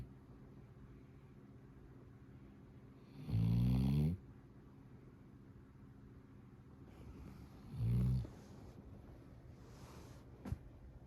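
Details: Sleeping subject giving two loud, low, rattling snores about four seconds apart over quiet breathing: ordinary sleep snoring.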